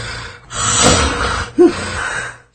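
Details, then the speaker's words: Heavy rough snoring breaks off as breathing stops, then a sharp choking snort before loud snoring resumes, repeating during sleep: snoring with obstructive sleep apnoea. "넘어갈 때 타다가 척하고 숨이 막히 는가 싶더니 다시 골을 크게 봅니다 수면중에 후 이상 숨을 쉬지 않는 무비 계속 반복됩니다"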